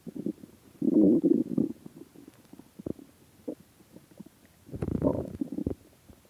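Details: Stomach growling after 76 hours without food: low gurgling rumbles in bursts, a loud one early and another near the end, with quieter bubbling between.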